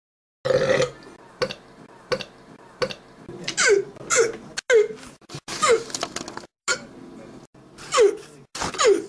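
A rapid series of loud, throaty burps, about a dozen in nine seconds, with brief pauses between.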